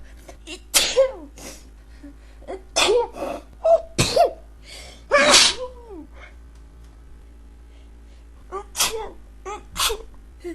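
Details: A rapid run of about ten sharp, explosive sneezes separated by quick breaths, some ending in a voiced cry; repeated sneezing.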